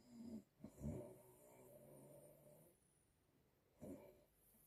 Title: Grandma snoring P2 #funny #snoring